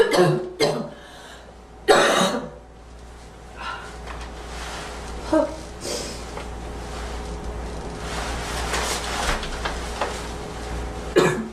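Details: Several deliberately performed coughs and throat-clearing bursts from a girl, with quiet room noise between them; cough.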